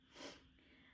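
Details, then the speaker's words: A single soft, airy snort-like breath in a quiet small room from a sleeping cat snoring. "and if you guys can hear that that's my cat snoring churchy churchy churchy okay so"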